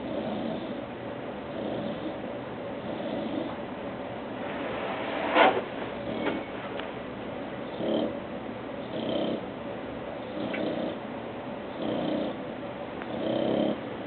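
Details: Bulldog snoring while awake: continuous rough, snorting, snore-like breathing on each breath, steady and rhythmic.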